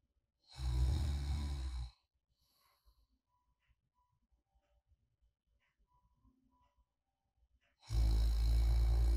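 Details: Two deep, rumbling snores about seven seconds apart with near silence between; light snoring during sleep, recorded as snoring ASMR white noise.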